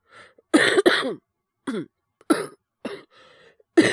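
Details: Boy with influenza coughing while streaming: several short harsh coughs in quick bursts with brief pauses and a breath between.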